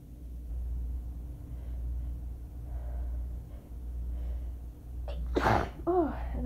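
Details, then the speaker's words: Allergic sneezing attack after waking from a nap, in a person also having asthma problems and coughing, using a handkerchief: one forceful sneeze then a groaning breath over low room hum. "I've been sneezing so much over the past few days that I just didn't want to use paper towels anymore."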